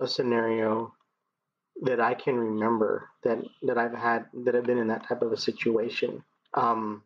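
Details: 39-year-old man who has stuttered as long as he remembers; it began in childhood with vocal blocks in the throat and now shows mainly as repetitions used to get past blocks; speech therapy through elementary school until 7th grade; stuttering.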